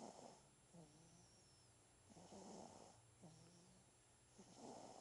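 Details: 9-day-old baby boy whose father snores, snoring while asleep: soft, regular snoring with a rattly quality on each breath, about 26 breaths a minute, in a quiet room.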